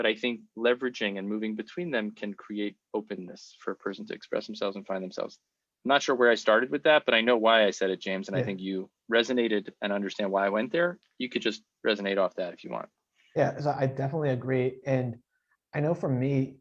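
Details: Adult male speakers in conversation; typical speech.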